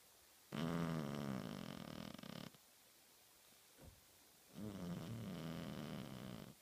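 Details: Sleeping cat snoring in two long, rattling breaths about four seconds apart, a slow resting rhythm, while twitching.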